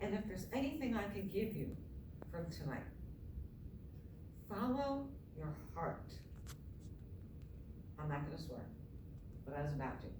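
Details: Adult woman with myasthenia gravis since age 7 (about 45 years), palate not working so air escapes through the nose, reading a passage apparently without her custom palatal device; hypernasal speech.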